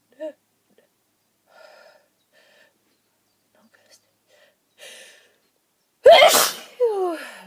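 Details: Repeated attempts to hold back a sneeze: soft gasping breaths build up, then one loud explosive sneeze with a short vocal trailing sound.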